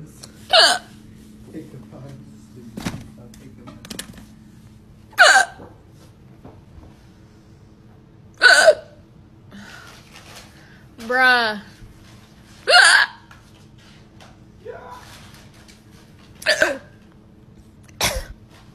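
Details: Drunk hiccups: about seven sharp, abrupt vocal hiccups over nineteen seconds, with one burp-like sound between them, from a loud burps and hiccups compilation; hiccups.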